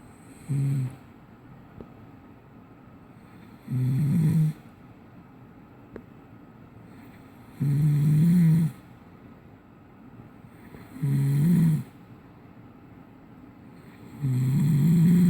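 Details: Person who denies snoring, overheard snoring from the living room: loud, low rattling snores on each breath in, about 17 a minute, with quiet gaps between.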